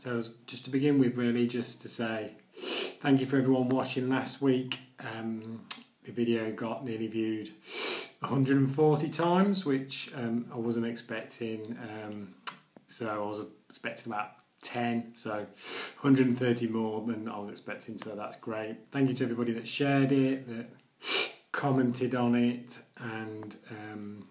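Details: Stuttering (stammering) in an adult man who has stammered daily for nearly 40 years, speaking in his video blog.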